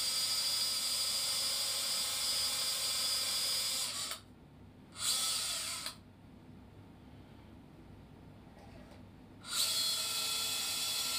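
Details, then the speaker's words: Power drilling with a 2.8 mm LCP drill bit through 3.5 drill sleeves at the most distal and proximal plate shaft holes, in a demonstrated proximal femur varus osteotomy with an LCP Pediatric Hip Plate 3.5 110°: steady high-pitched whirring in two bursts with pauses. "If locking screws are planned, the LCP drill sleeves 3.5 are attached to the most distal and proximal shaft plate holes. The LCP drill bit 2.8 mm is used to drill both screw holes."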